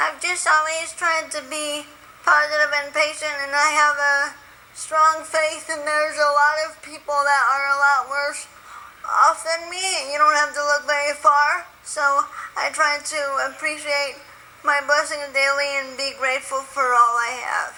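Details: Woman with spastic quadriplegic cerebral palsy since birth, born 3 months premature at 1 lb 14 oz, very tight muscles, wheelchair user dependent on others for feeding and bathing; dysarthria (cerebral palsy).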